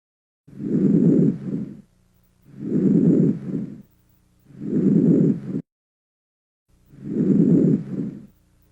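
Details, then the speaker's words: Normal vesicular breath murmur heard over the peripheral lung bases, best on inspiration: soft, low-intensity, low-pitched rustling breaths, four cycles at about 15 a minute; anterior chest auscultation teaching recording. "el murmullo vesicular sonido de baja intensidad tono grave como un murmullo se localiza en el pulmón periférico en su base y se escucha mejor en la inspiración"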